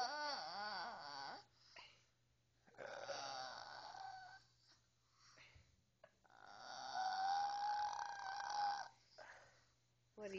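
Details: A child's breathing with high, whistling musical tones through long noisy breath phases: wheezing.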